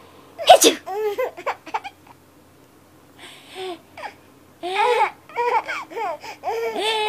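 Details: One sharp, forceful sneeze burst, followed by an infant's hysterical giggles and squeals of laughter.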